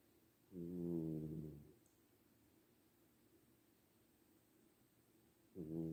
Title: #shorts Outside the Box: One MINUTE of my Tum-Tum SNORING!!